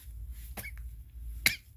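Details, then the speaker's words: 3-month-old baby with hiccups: two brief, sharp catching sounds about a second apart, typical hiccups. "got the hiccups oh that was a hiccup oh that's a hiccup oh that's a hiccup that's a hiccup"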